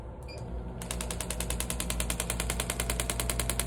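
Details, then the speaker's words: Shockwave therapy on the Achilles tendon for suspected leftover scar tissue after an injury, with intensity adjustable to the patient's comfort. Fast rattling tapping as the handpiece piston drives back and forth, about 200 pulses a minute, over a low hum. "So again, that sound you're hearing is that piston vibrating back and forth."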